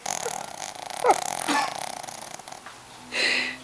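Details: Rapid fluttering, purr-like breaths with snorting noises from a sleeping Shih Tzu, a small flat-faced dog, snoring noisily.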